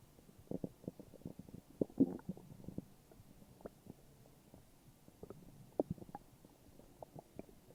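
Quiet bubbling gurgles and small pops from the belly; normal stomach growling.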